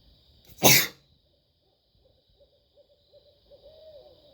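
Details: One sharp, explosive sneeze early on, then quiet night sounds with faint barred owl hoots and a steady insect hum.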